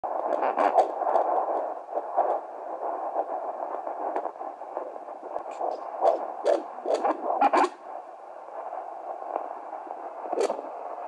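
Rapid, whooshing fetal heartbeat through a Doppler, with scratchy probe noise, at 16 weeks in a twin pregnancy.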